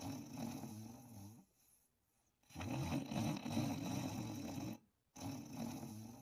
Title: Snoring & Dreaming in 41 seconds